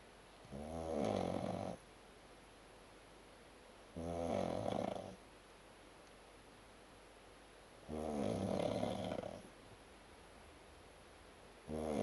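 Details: Man snoring after drinking heavily at Oktoberfest: three loud, rough, buzzing snores on the in-breath, about every four seconds, roughly 15 a minute, with quiet gaps between; typical snoring.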